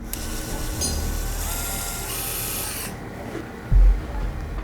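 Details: Whirring surgical drill with low rumbling bursts and a brief knock as the surgeon realigns the joint through heavy scar tissue during bunion correction in a 35-year-old woman after multiple failed surgeries.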